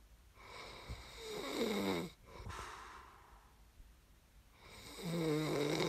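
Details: Snoring recording made as sleep ASMR: two loud, rattling snores on breathing in, separated by quieter breathing out; ordinary snoring during sleep.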